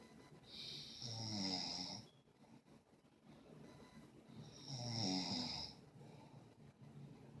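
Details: Two rattling, hissy snores on the in-breath with quiet breathing between, about 16 breaths a minute: snoring.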